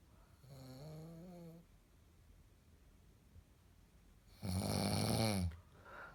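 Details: Person in deep sleep, recorded by their girlfriend: a softer droning snore, then after a pause a loud, coarse, rattling snore in a quiet room; snoring.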